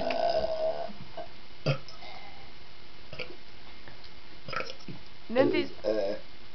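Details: Several loud, low, gurgling burps with short pauses between, from two friends; belching.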